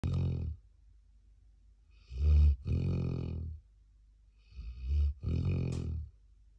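Loud, deep rumbling snores in long drawn-out breaths, about a few per several seconds, from a sleeping young dog; ordinary snoring.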